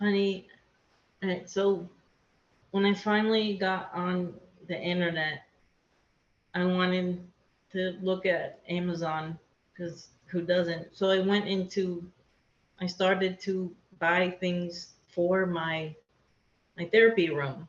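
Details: Aphasia in an adult woman after a hemorrhagic stroke, affecting speaking, understanding, reading, writing and numbers; she could not talk for two years after the stroke and still has word-finding difficulty.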